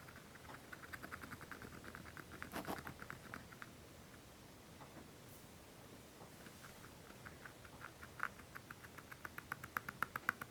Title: Sleepy degus happy teeth grinding